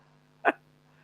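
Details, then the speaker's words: A single short, sharp sneeze from a small pet that sneezes repeatedly and cannot stop, sometimes for five to ten minutes, against a faint steady hum. "and he can't stop it he literally cannot stop himself from sneezing"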